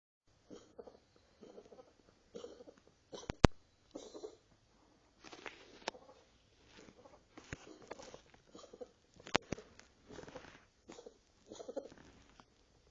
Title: Tos de Quito